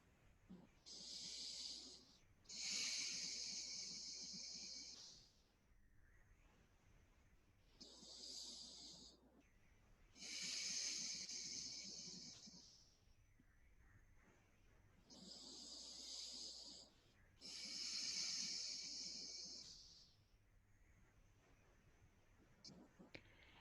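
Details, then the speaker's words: Demonstration of three slow, deep mindful breaths, each an audible airy inhale followed by a longer exhale, about eight a minute; slow deep breathing. "but if not it might be really helpful to hear what those deep breath sounds like"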